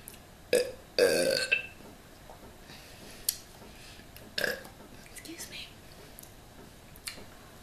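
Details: A short belch then a longer, louder belch while eating a Subway steak and cheese sandwich, followed by quiet mouth and eating sounds in a quiet room.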